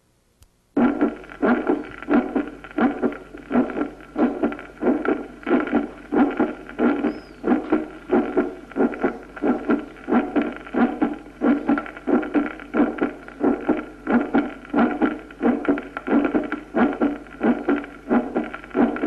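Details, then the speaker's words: Fast regular heartbeat near 90 a minute with a loud, ringing, musical first heart sound, in cardiac erethism where effort keeps the mitral valve open in diastole. "en el eretismo cardíaco el esfuerzo mantiene abierta la mitral en diástole y el primer ruido se vuelve musical escuchémoslo"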